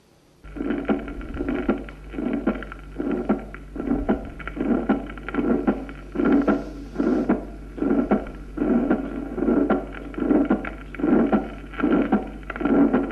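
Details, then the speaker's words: Protosystolic murmur: regular heartbeat near 75 a minute, each beat followed by a brief fading swish early in systole and a loud second sound: early systolic decrescendo murmur (aortic sclerosis). "el soplo que vamos a oír es un soplo protosistolico"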